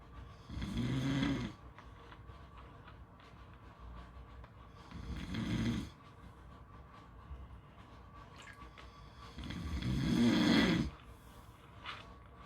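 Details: Rough, vibrating snores roughly every four to five seconds, about 13 a minute, over steady beach background noise; ordinary snoring.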